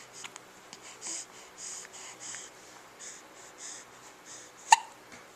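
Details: Infant making new sounds, with quiet breathing, soft repeated catches and one sharp, abrupt hiccup near the end; infant hiccups.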